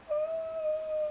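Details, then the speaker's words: Vocal imitation of a wheeze, likened to a baby kitten mewing in the chest during childhood bronchitis: a thin, high, steady whistle fading away. "barulho como se tivesse aquele gato bebezinho miando Ou aquele gato que você escuta lá no telhado da sua vizinha"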